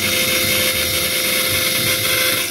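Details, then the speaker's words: Surgical drill whining steadily and barely advancing in dense bone during a live zygomatic implant hands-on demo on a maxilla/skull training model, before switching to a sharper drill. "Nevertheless, if you see and my drill is hardly drilling inside. Is that dense?"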